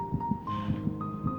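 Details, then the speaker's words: Fetal heartbeat on ultrasound at eight weeks of pregnancy, in a TV drama scene: soft, rhythmic whooshing thumps partly masked by background music. "But today, I can let you hear the baby's heartbeat"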